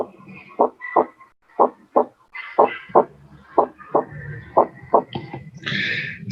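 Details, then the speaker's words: Physiology class lab recording of normal heart sounds played for students to tell S1 from S2: regular lub-dub about 60 a minute, first sound louder, distinct short and long silences, faint background noise. "notaron que si hay un silencio corto y que si hay un silencio largo sí excelente"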